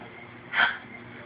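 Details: A single short, sharp vocal burst from an infant who was also laughing: hiccup, against quiet room noise.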